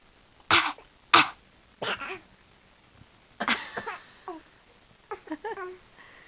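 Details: Voluntary imitated coughing: several short deliberate coughs, the later ones higher and voiced, playfully mimicking noises family members make rather than a sign of illness.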